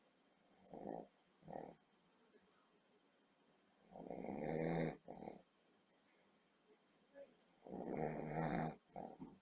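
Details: Elderly grandmother asleep after dinner with boozy trifle, recorded by computer webcam: slow, rough snoring, long snorts on breathing in with short puffs after, about 16 a minute, in a quiet room.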